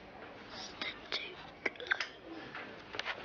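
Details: Acted portrayal of an 11-year-old boy in a TV drama with hysterical dysphonia of a few months' duration, no physical cause found, stress after his parents' breakup and moving house and school suggested as trigger: psychogenic dysphonia (whispered voice)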